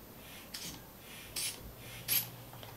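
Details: Three short airy puffing squeezes in a quiet room as a non-medical adult man pumps a hand bulb to inflate a manual blood pressure cuff on an adult woman's arm while feeling her radial pulse.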